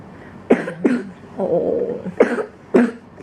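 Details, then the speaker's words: A young girl kept home from school with a mild fever and cough, hoped to be ordinary flu, given cough and fever medicine: four short, moist coughs in about three seconds with a throaty sound between; cough. "Dia agak demam dikit. Terus batuk-batuk. Semoga cuman flu biasa ya saudara."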